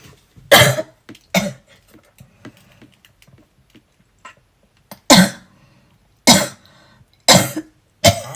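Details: A person with asthma and a cold coughing uncontrollably while brushing their teeth: six loud, harsh coughs in close bouts with quieter throat sounds between; persistent cough.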